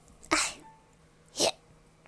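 Two sharp, explosive hissing bursts about a second apart, typical of sneezes.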